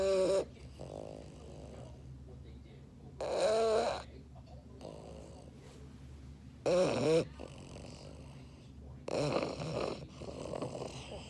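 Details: A sleeping English Bulldog: loud, rattling snores in a steady rhythm, with soft snorting breaths between them, about 18 breaths a minute; flat-faced dog snoring.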